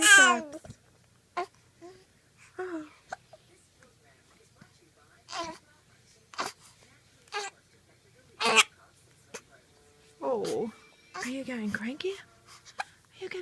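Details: Three-week-old infant girl getting upset at her hiccups: short, sharp hiccup catches every second or two between babbling and fussy cries.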